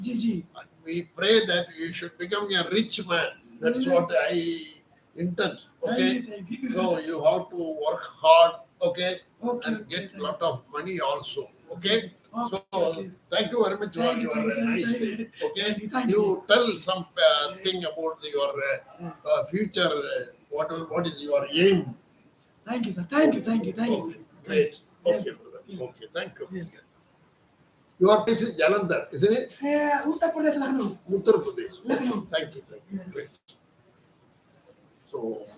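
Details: Adult man, Hindi speaker, voice thin since childhood; surgery advised elsewhere, instead receiving voice therapy exercises, 4 days into treatment and reporting improvement: puberphonia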